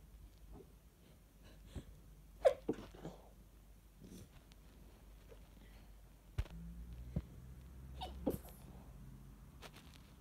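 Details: Sneezing fit from a person with a suspected cold or allergies, itchy nose and sniffles, recorded over a morning: several muffled sneezes, some stifled into tissues or a sweater, with sniffs between.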